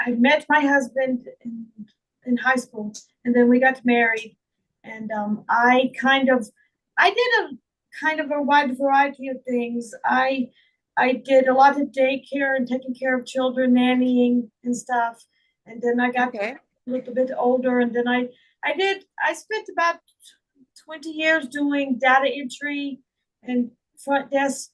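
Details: Adult woman with foreign accent syndrome that began on waking from a migraine in 2021 and was diagnosed by a speech therapist; she also reports slurred speech and functional neurological disorder. Real, own voice.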